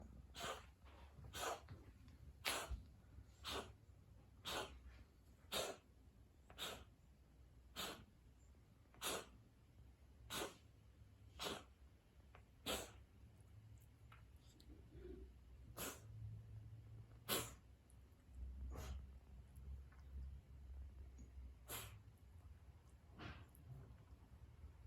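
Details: Tiger giving a long series of sharp, explosive coughs, about eighteen in twenty-five seconds, recorded October 2021; cough.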